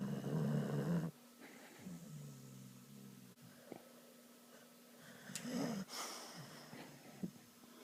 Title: Dog Snoring Hilariously More Than a Human